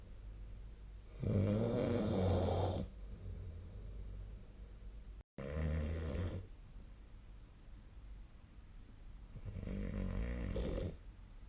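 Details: Snoring during sleep recorded with the SnoreLab app: three low, rumbling snores on slow breaths, with quiet room noise between them.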